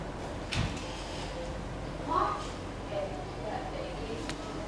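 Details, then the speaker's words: Stethoscope over the left lower abdominal quadrant of an adult male during a 1-minute bowel auscultation: quiet hiss with a few soft, brief gurgles, counted at 7 per minute; bowel sounds loudest in the left lower quadrant, described as active. "Saya paling keras mendengar di suara bising ususnya di kuadran kiri bawah ya. Saya dengarkan di sini selama 1 menit."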